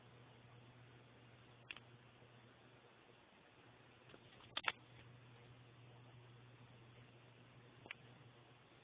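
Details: Purebred Devon Rex cat with a nasal cavity problem gives a few short, quiet sneezes, including a quick double burst, over a low room hum; sneezing.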